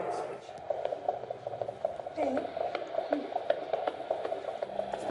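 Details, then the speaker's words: Fetal heartbeat on Doppler heard by the mother for the first time: rapid, regular whooshing pulses at about 155 to 160 beats a minute. "heartbeating this exam ended up being pretty special it was the mom's first time to hear her baby's heartbeat"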